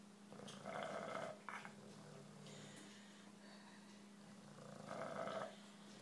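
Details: Sleeping bulldog at nap time: loud, rumbling, fluttering snores with snorting on the breath in, over a steady low background hum; snoring.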